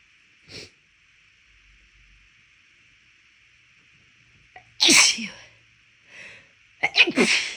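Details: Sneezing in someone recently ill whose left nostril kept tickling; they were deliberately trying to bring on sneezes. A faint sneeze, then two loud, forceful sneezes with a soft one between, over background hiss, with some nose blowing.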